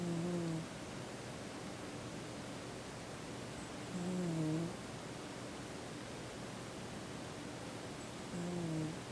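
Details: Quiet, low, humming snores about every four seconds, roughly 14 a minute, over steady room hiss, from a sleeping pet cat that snores fairly often.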